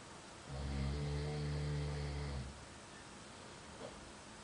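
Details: Single loud, low, droning snore lasting about two seconds from a sleeping man in a hostel, against steady room hiss; snoring.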